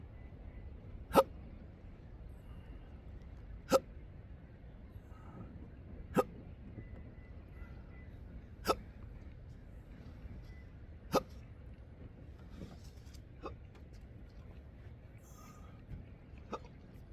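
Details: Intractable hiccups present since December 2015, with burps, breathing and choking spasms and developing achalasia, recorded outdoors at sunrise on a coastline: five sharp, abrupt hiccups about every two and a half seconds over quiet background.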